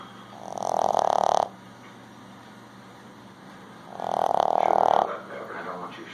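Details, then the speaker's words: Boston bull terrier dog fast asleep, snoring: two long, buzzy, rattling breaths a few seconds apart over quiet room noise, with a TV playing. "Oh, baby, what are you doing? You're snoring, huh? I'll just post that to YouTube."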